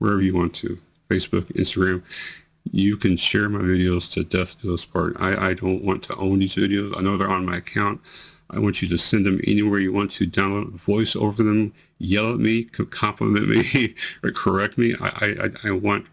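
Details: 43-year-old man with multiple system atrophy, 2 years 3 months into the disease, reports worsening slurring, words delayed about half a second, hesitation to speak, and tremor affecting his voice; dysarthria in multiple system atrophy.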